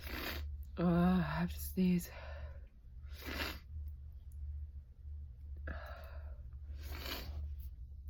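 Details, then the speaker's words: Sneeze, finally released after a long-held urge to sneeze. "Finally. I've needed to sneeze for so long."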